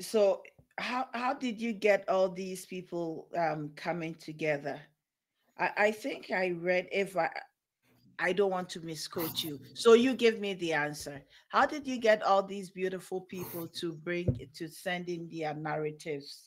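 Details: Adult woman speaking; normal speech.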